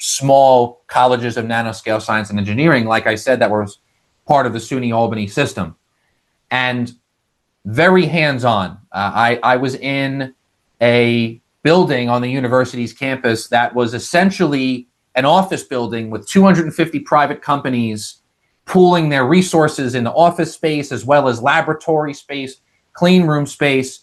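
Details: Adult male with lifelong stuttering involving vocal-cord blocks, managed with speech techniques; stuttering described as never cured, managed overtly or covertly.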